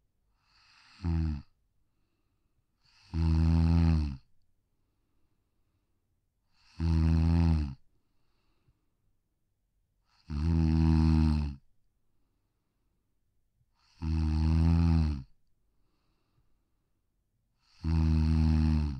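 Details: Regular low snores, about 16 a minute, from a Pug, a brachycephalic (short-muzzled) breed, snoozing on a deck; snoring.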